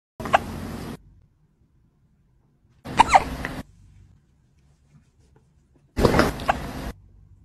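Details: Kitten hiccups in a pet cat: three short, jerky sounds a few seconds apart, about 20 per minute.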